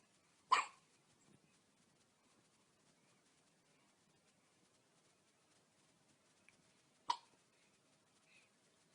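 Two sharp, brief hiccup sounds about six seconds apart from a newborn in a quiet room.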